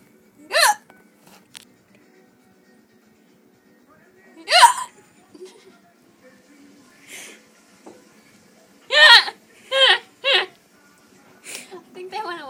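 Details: Persistent hiccups that won't go away: sharp, brief voiced hiccup sounds at irregular intervals, about six in twelve seconds, in a quiet room.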